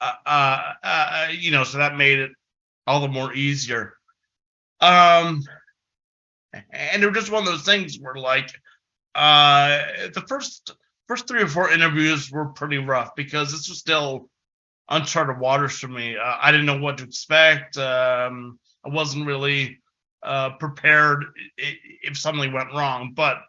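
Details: Adult man who has stuttered since about age six, a long-standing stutter he once tried to fix but now accepts; stuttering.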